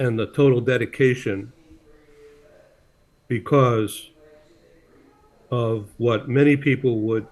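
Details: Adult male speaker; speech.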